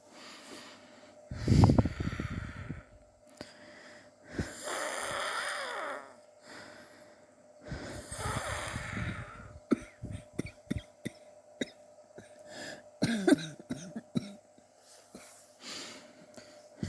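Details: Persistent chesty cough over recent weeks, suspected but unconfirmed bronchitis, with chest x-ray planned to check for pneumonia; several harsh, congested coughs and raspy breaths, then rustling and handling clicks.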